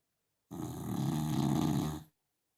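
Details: Sleeping dachshund snoring loudly: one loud, rough, vibrating snore lasting under two seconds, set in silence; snoring.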